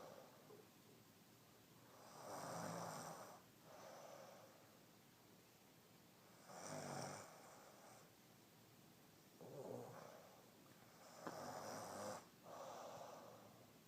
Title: My baby snoring her ass off